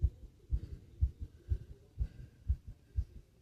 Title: Fast Heartbeat And Heavy Breathing Sounds #subscribe #heartbeat #asmrsounds #fast #breathing